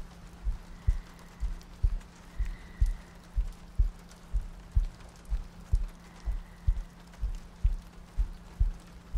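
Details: Sleep-aid ASMR loop with soft breathing and rain ambience: steady, soft double-thump heartbeat at about 62 beats a minute with a low hum and faint rain behind it.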